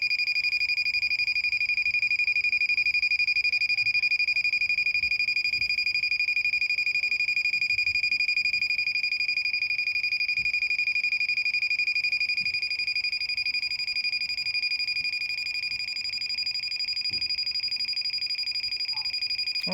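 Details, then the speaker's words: Handheld picosecond laser pen used for at-home tattoo removal, 4th session, on its highest settings (frequency 1, intensity 4), held about an inch away and moved fast: a steady high-pitched whine with fast regular ticking, about four per second. "let's see how i just kind of go fast and just kind of go"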